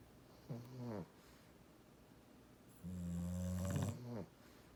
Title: Snorey snores